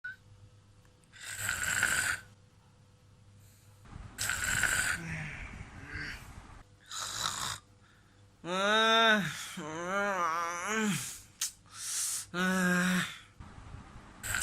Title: How to handle your friend snoring problem.